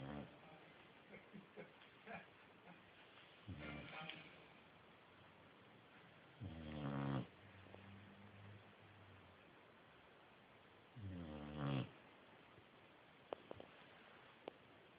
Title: Snoring boxer reggie